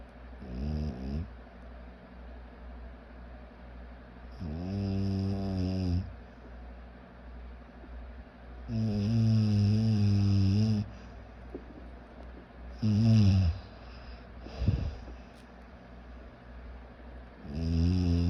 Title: More snoring and more snoring #snoring